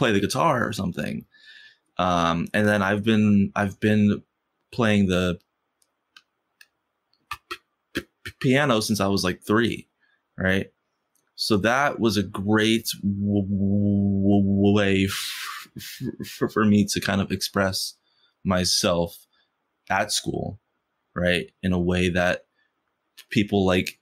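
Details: Adult man who has stuttered since first grade, stuttering most when asking for things or saying something important; stuttering.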